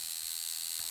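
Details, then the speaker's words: Handheld digital blood pressure monitor under repair after an error: steady high-pitched motor whir with faint ratcheting as the internal pump runs on a temporary wiring connection, before soldering. "right there you can see our pump is running"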